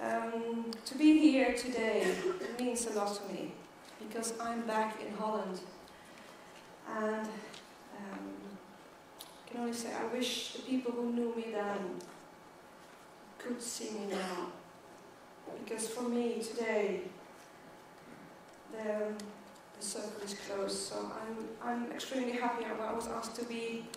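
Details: Adult woman who stutters and counts herself part of the stuttering community, speaking as keynote at a world congress for people who stutter. The finding is real stuttering.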